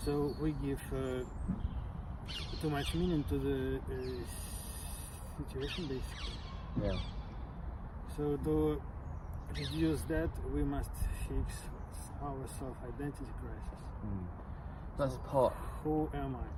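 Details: Adult participant in a stuttering discussion group, who learned stammering techniques from a therapist; stuttering.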